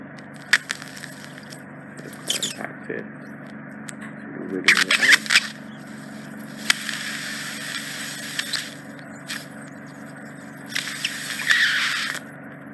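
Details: Endoscopic microsuction of deep impacted ear wax trapped in the ear canal isthmus, adult female: steady suction hum broken by irregular crackling, scraping and hissing bursts as wax is drawn into the tube.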